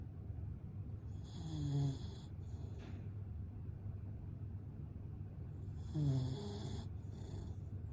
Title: Mochi’s Diary(3) Snoring